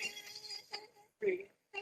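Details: Older heavy smoker with two months of rough, raspy voice; biopsy-proven squamous cell carcinoma, no vibration of the right vocal cord, strains significantly to produce voice; strained, rough voice from vocal fold cancer.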